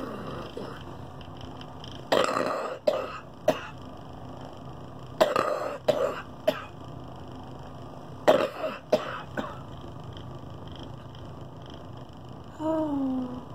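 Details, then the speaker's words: Woman with COPD on oxygen who needs a double lung transplant, also with pulmonary hypertension, doing airway clearance in a vest: three sets of forced, breathy huffs with short cough-like bursts, faint background hum; huff coughing. "she doesn't like it when I start doing the huffing she gets a point for it now she's going"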